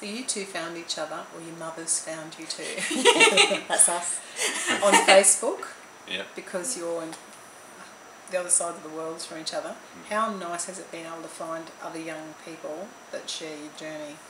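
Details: Adult speaker, conversational interview; normal fluent speech.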